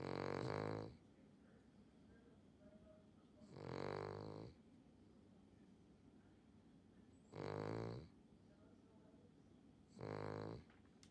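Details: Loud, vibrating snores from a sleeping dog at a regular pace of about 18 breaths a minute, with quiet pauses between: snoring.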